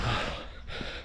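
A loud, gasping breath from an adult runner winded after hard running, with outdoor noise behind.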